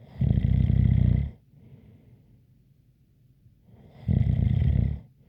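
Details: ASMR snoring recording with a light whistle: two loud, deep rumbling snores about four seconds apart with soft breathing between; sleep snoring.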